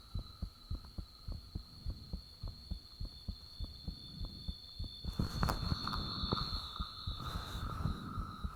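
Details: Self-recorded own heartbeat with the fan turned off, taken shortly after the heart began feeling unusually thumpy: rapid, regular, forceful low thumps with a steady hum and rushing noise toward the end.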